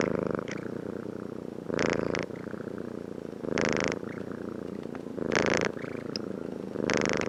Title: Snore sound